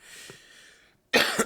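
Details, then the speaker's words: Adult who was sick about a week and a half earlier, has not recovered their voice and coughs a lot from dry air: a soft breathy intake, a pause, then one sharp, harsh dry cough without rattle. "I was never really able to recover my voice and I'm coughing a lot because of the dry air"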